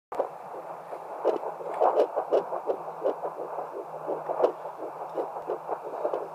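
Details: Fetal heartbeat on Doppler at 8 weeks 5 days, one of the babies: rapid, regular whooshing pulses about 170 a minute over Doppler hiss; normal early fetal heart rate.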